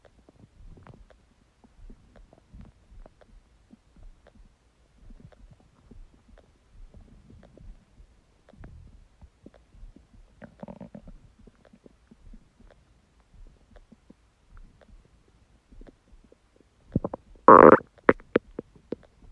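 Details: Empty stomach growling: faint scattered low gurgles and rumbles ending in a louder growl; borborygmi, a normal finding.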